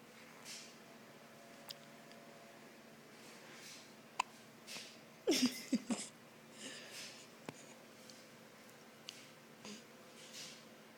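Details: One-week-old newborn boy, also hungry, gives soft, sharp hiccup catches every few seconds with a brief fussy whimper midway; hiccups.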